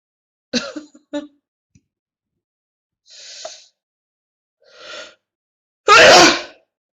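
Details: A run of sneezes with catching breaths between, building to one loud final sneeze, from an exasperated Russian-speaking person in repeated attacks; a sneezing fit.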